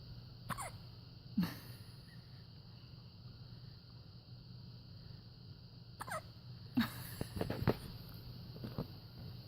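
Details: Several short, abrupt catching sounds at irregular intervals over quiet room noise, fitting hiccups.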